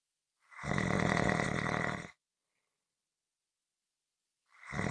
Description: This is a 15-minute audio clip of Snoring.